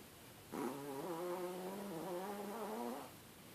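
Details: Sleeping chihuahua snoring: a single drawn-out, whistling, whine-like breath sound in a quiet room, a small dog's tonal snore.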